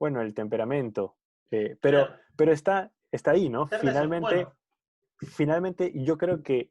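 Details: Adult who stutters, in a conversation about how variable stuttering is; stuttering with audible word and part-word repetitions.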